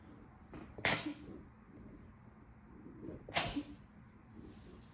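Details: Two forceful wet sneezes a couple of seconds apart from an adult still getting over a cold, congested, nose sensitive, sneezes induced; quiet room noise with kitten in background.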